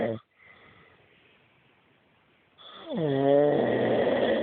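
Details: Husband snoring loudly in his sleep, as he does every night: loud, rising, buzzing snore on the in-breath after a quiet pause.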